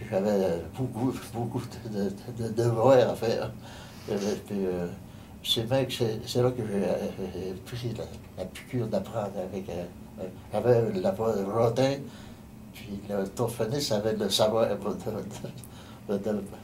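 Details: Adult man with aphasia following a stroke on 15 November 2009; post-stroke aphasia.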